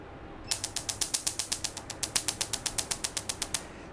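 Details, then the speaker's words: Tattoo removal laser firing rapid sharp snapping clicks, about four a second, on a small hand tattoo; several sessions needed; laser tattoo removal. "ভাই আলহামদুলিল্লাহ, মানে মাত্র 30 সেকেন্ডের মধ্যে আমার tattoo remove হয়ে গেছে, বিশ্বাস করা যায়।"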